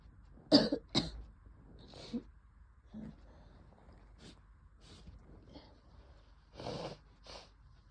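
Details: Wet, productive cough during a COVID infection: a sneeze-like burst first, then a string of loose, wet-sounding coughs with quiet breaths between them.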